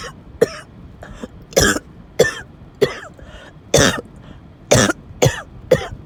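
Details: Coughing fit while in a car, described as coughing, wheezing and choking: about ten harsh, forceful coughs in quick succession, some with throat clearing.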